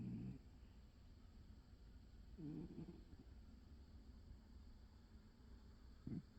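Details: Old cat napping, with quiet, low, rumbling breaths at intervals over steady room hum; soft snoring.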